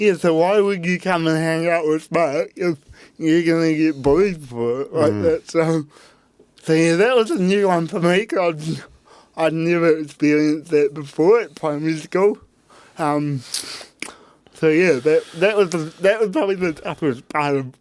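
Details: Dysarthria in a real adult man with cerebral palsy from birth; his parents were told at birth he would never walk or talk, and he had intensive therapy from birth to age six to help him walk and talk.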